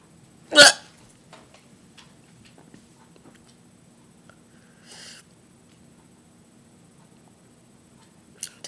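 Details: Painful hiccups during an ongoing bout; a single sharp, loud hiccup, then softer breath sounds and a faint second catch near the end.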